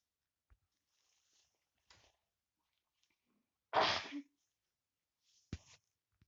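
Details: Person with a big cold giving a single loud, sharp sneeze in a quiet room, with faint sniffing and rustling around it.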